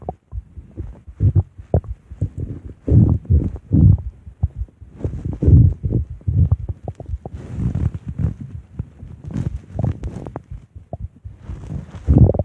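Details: Ape stomach growling (borborygmi): loud, deep, irregular gurgling and rumbling bursts throughout, from gas and fluid moving through the gut.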